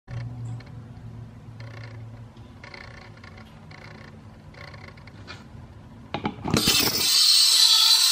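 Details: Dentsply Cavitron Plus Gen 131 ultrasonic dental scaler: quiet clicking and tapping, then a loud steady high hiss as it starts running.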